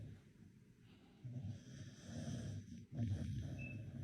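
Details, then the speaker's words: A sleeping dog snores loudly, with deep, rough, rattling breaths in and out. "else dog snores this hard? No, just mine, okay."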